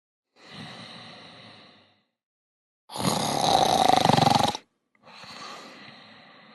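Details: Snoring during night sleep: loud, rough snoring on the in-breath between quieter breathing sounds, a steady cycle of noisy sleep breathing.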